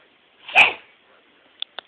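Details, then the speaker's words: Young child sneezing while calling for Mommy, who answers "God bless you": a single sharp, hissy sneeze burst followed by two faint clicks. "I sneeze I sneeze Mommy Mommy I'm sneezing Mommy I see you sneezing God bless you"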